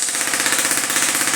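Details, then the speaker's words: Steady rapid mechanical tapping, about 16 pulses a second, from a shockwave therapy device run over a neuropathy patient's feet out to the toes to break up adhesions. "These are sound waves. Not much of a shock, it's sound waves. That's what we call shockwave therapy."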